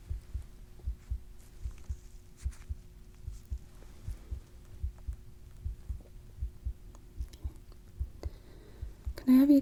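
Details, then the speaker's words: Simulated medical roleplay, a cardiac exam recorded as ASMR: a stethoscope on the neck over the carotid artery picks up steady, regular low thumps, normal heart sounds. "So now I'm going to be listening to your carotid arteries, okay? We'll start on this side."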